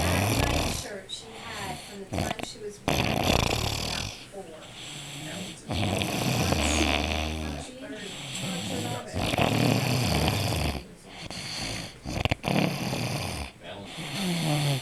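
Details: Adult man (an uncle) snoring heavily after eating 3 Jelly Munchkins on Thanksgiving Day 2009: loud, rough, rattling snores in bursts during sleep, with background noise.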